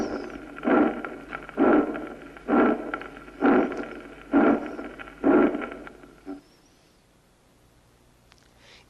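Regular heartbeat near 65 a minute, each beat with a rough, rasping systolic murmur followed by a softer blowing diastolic murmur.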